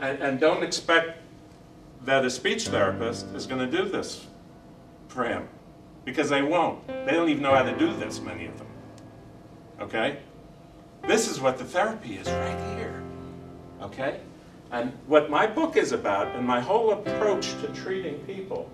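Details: Adult male speaker; Normal speech.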